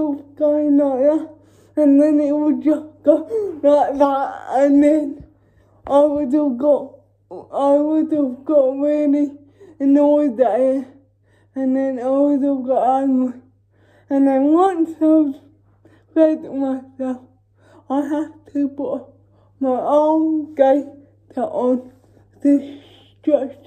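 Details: Female with cerebral palsy talking while feeding herself with a Neater Eater feeding aid; the dysarthria is inferred, not named: dysarthria (cerebral palsy).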